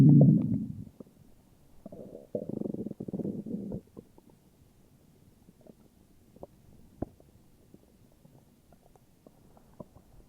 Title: morning stomach growls :3